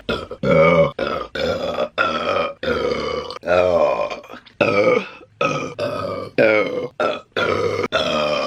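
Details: Woman burping during mukbang eating videos: a rapid run of about a dozen loud, drawn-out voiced burps with short gaps between them.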